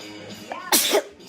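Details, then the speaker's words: Single sneeze from a person who says they are allergic to the cat, sneezing in someone's face: a quick inhaled catch then one loud, explosive sneeze, faint background music. "sh you just sneezed in my face I'm sorry move your face first"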